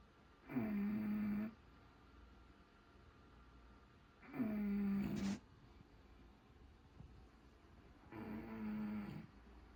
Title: The sounds of Snoring Bulldog